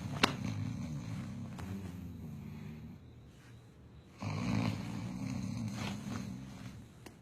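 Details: Husband snoring during sleep while his wife tries to stop him: low, rattling snores on breaths in, separated by quieter pauses, with some room noise; snoring.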